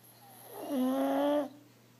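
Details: Snoring pug asleep: a single short, whistling, nasal snort-snore lasting under a second.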